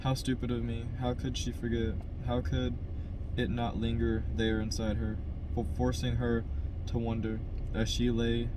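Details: Adult man who stutters, reading a novel chapter aloud with audible word repetitions; stuttering.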